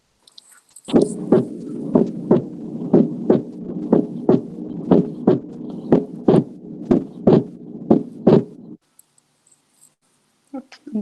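Regular heart sounds at about 61 beats a minute over a steady hum, with the second sound splitting only on inspiration: physiological S2 splitting, a normal finding.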